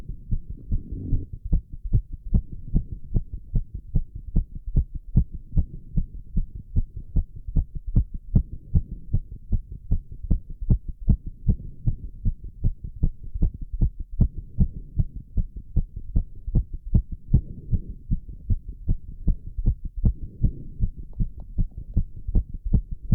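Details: Male doing squats: rapid, regular heartbeat at about 150 beats a minute with bursts of heavy breathing, then recovery; exercise-induced sinus tachycardia.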